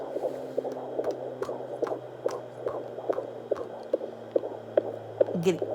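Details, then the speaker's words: Fetal heartbeat at 20 weeks, heard on a home Doppler and often hard to find: rhythmic whooshing pulses over a steady hum of Doppler static. "you know I haven't found the heartbeat sense but the baby moves a lot more now so it's not as a big deal but I try to find it every night"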